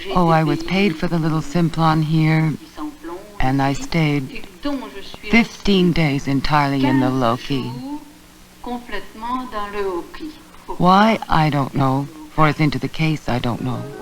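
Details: Woman with Wernicke's (fluent) aphasia producing phonemic and verbal deviations and neologisms (non-words), e.g. using miss, mr and mrs interchangeably; Wernicke's aphasia.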